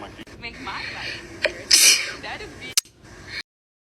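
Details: A sharp, hissing sneeze burst after a brief intake, then a second quick explosive sneeze, in a female with a nasal feeding tube while re-taping it; repeated sneezing.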